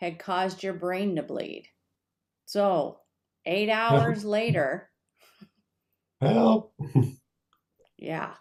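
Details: Adult speaker; Normal speech.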